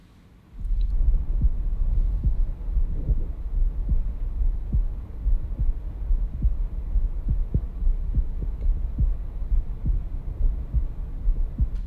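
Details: Real-time recording with a Stemoscope Pro digital stethoscope over the pulmonary area: regular low heart thumps at about 71 a minute with a steady low rumble behind; normal heart sounds.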